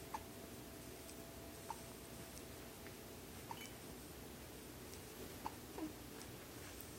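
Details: An infant's hiccups: four faint, short catching sounds a second or two apart over steady room hiss, a common harmless event.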